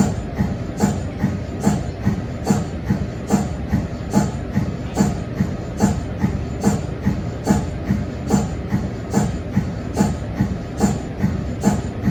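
Steady rhythmic chuffing pulses, about 72 a minute, from an MRI scanner's cold head; a normal operating sound of the cooling system.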